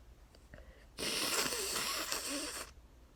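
A loud, drawn-out sneeze burst with noisy nasal airflow follows a brief inward breath; part of a sneezing fit, likely allergic.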